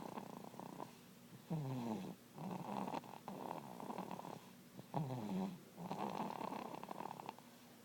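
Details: Snoring: rough, rattling snores in repeated breaths, with pauses between; ordinary snoring.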